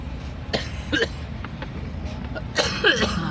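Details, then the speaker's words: Adult male driver with a cold and cough, a smoker who says he is stressed, out working on the road: several short coughs and throat clearing over vehicle noise. "Aduh, batuk. Batuk. Udah banyak merokok. Lagi merokok. Stres."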